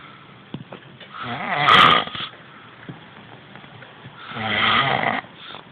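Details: Male friend snoring during sleep, suspected sleep problem; two loud, rough, rattling inspiratory snores separated by quiet breathing, sounding as if he were choking. Heavy snoring.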